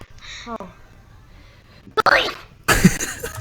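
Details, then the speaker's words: A girl's unusual, high-pitched sneeze: a short voiced intake, then two sharp, noisy bursts. "That was, that was a pretty weird sneeze. It was kind of funny."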